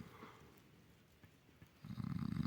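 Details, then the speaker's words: Loud snoring from a man sleeping at night in a forest camp on the Dnieper riverbank during a river rafting trip, likened to a bear's snore: snoring. "он храпит, как медведь, нахуй. Пиздец, я в лесу, нахуй, вот. Храп стоит, нахуй, на весь лес, нахуй."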